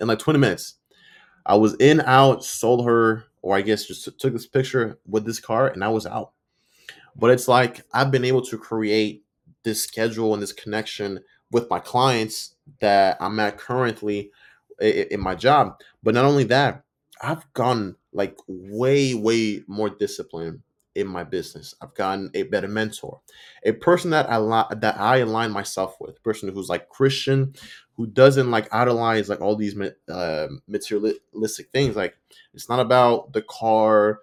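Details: Stuttering in an adult man who reports that he stutters and sometimes mispronounces words; his own spontaneous speech, with audible sound and word repetitions.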